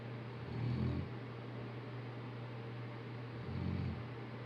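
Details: Two low, rumbling snores about three seconds apart over steady background hum from a sleeping rescue St. Bernard after a beach outing; snoring.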